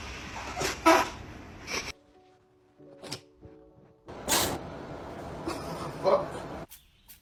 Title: cat sneezing with nasal discharge p41 #cat